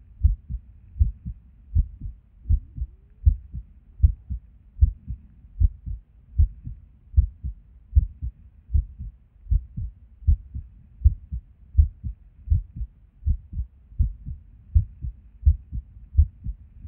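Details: Resting heartbeat recorded at Erb's point while sitting at a desk: heart sounds near 78 beats a minute with uneven spacing between some beats, an irregular heartbeat with skipped or extra beats.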